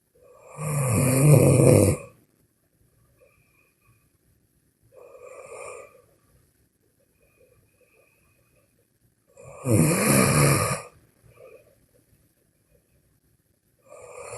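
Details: Snoring during sleep: loud rasping snores alternating with softer ones, roughly every four to five seconds, about 13 breaths a minute.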